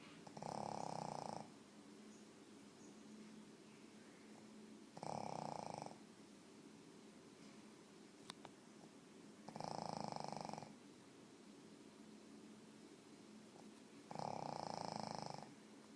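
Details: Pug snoring: four rattling snores evenly spaced about every four to five seconds, roughly 14 a minute, with quiet pauses between.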